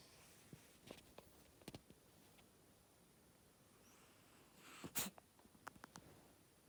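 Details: A single quick, sharp sneeze from a small animal, probably a cat, amid faint clicks and room noise.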